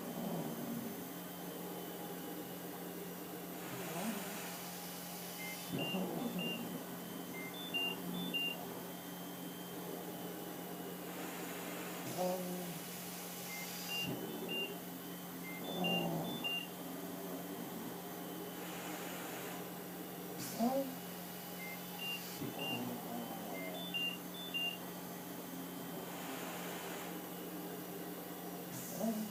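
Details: ALS patient receiving mechanical insufflation-exsufflation (cough assist) and suctioning of phlegm: steady machine hum, short repeated beeps and cyclic rushes of air from the cough assist device.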